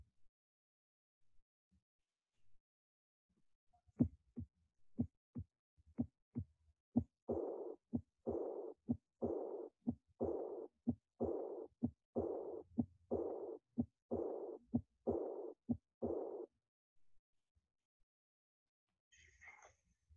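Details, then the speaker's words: Aortic regurgitation: regular heart sounds near 62 a minute with a soft blowing decrescendo murmur filling early diastole after each beat. "this is korrigan sign please listen to the next slide for aortic regurgitation"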